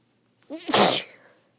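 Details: One sharp, hissing sneeze after a short intake of breath, triggered by holding a flower under the nose; a single sneeze.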